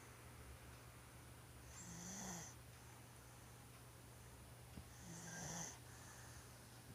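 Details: One-year-old child snoring loudly: two slow snoring breaths about three seconds apart, each a low rough rattle with a whistly edge, over steady room hum.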